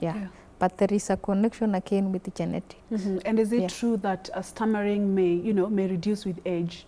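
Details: Adult woman; fluent speech.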